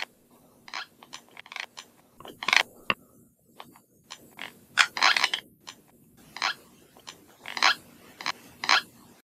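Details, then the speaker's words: Recorded during sleep: repeated short gritty scraping and clicking bursts as teeth are unconsciously clenched and ground together; sleep bruxism. "brooksism adalah kebiasaan menggeretakan dan menggesekkan gigi secara tidak sadar kebiasaan ini bisa dialami oleh siapa saja baik anak-anak maupun orang dewasa"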